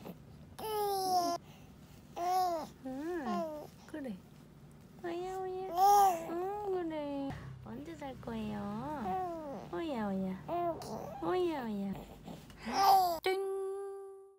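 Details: Young infant, a 3-month-old baby boy nearly 100 days old, cooing and babbling in rising and falling vowel sounds with a brief fussy cry; normal early vocal play.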